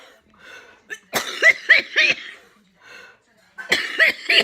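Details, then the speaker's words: Two runs of harsh, wet-sounding coughs, about six in all, separated by breaths, from an adult woman with cystic fibrosis and chest tightness, in week two of IV antibiotics, starting steroids; cystic fibrosis cough. "guys got to see my choking session before so I'm still having one chest tightness"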